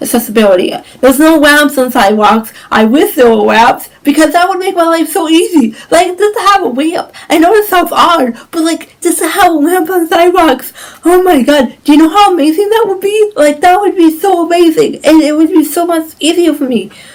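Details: Woman with cerebral palsy, which causes her walking difficulty; dysarthria (cerebral palsy).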